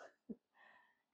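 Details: A single short, sharp expulsive burst from a dog in a quiet small room, heard while its owner talks: a brief dog cough.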